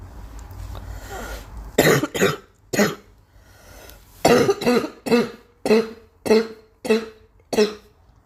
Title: Girl coughing 281